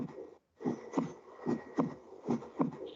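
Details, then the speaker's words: Normal heart sounds played in a semiology class: regular paired beats, a louder S1 (closure of mitral and tricuspid valves, systole) followed by a softer S2. "Ahorita les voy a poner el sonido del corazón normal, ¿de acuerdo? No lo vamos a desglosar ni en S1 ni en S2, sino necesito que identifiquen cómo es un latido cardíaco."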